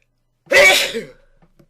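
A single loud, explosive sneeze with a brief voiced tail; one sneeze.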